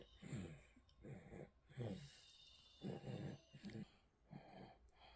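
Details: Baby snoring during nap, put to sleep by father in a baby carrier: repeated low, rough, snorting breath noises roughly every second.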